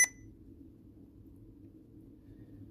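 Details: A single short electronic beep from a Sapphire infusion pump as OK is pressed after entering a 75 kg ideal body weight, while programming inhaled epoprostenol delivery, then quiet room noise; a normal keypress confirmation tone.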